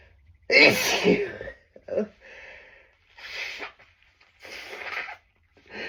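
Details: Adult, very sneezy from tree pollen, trying to stifle strong sneezes: one loud explosive sneeze followed by several softer, partly stifled sneezes and breathy bursts; sneezing bout.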